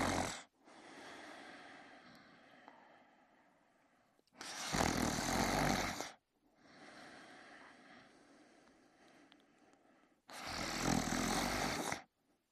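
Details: A man sleeping in his bed and snoring: loud, harsh snores alternate with softer breathing, two full cycles in about 12 seconds, roughly 10 breaths a minute.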